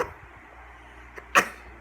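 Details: A baby coughing while singing "Bingo": a single short cough after a faint throat sound, over room noise.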